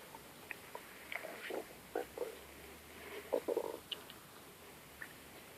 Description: My stomach growling very loud.